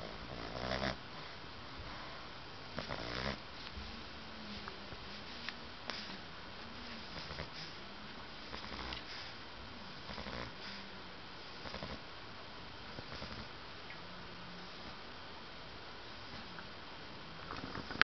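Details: Dexter snoring after a hard Sunday: soft repeated rumbling snores with snuffling breaths over a steady noisy background.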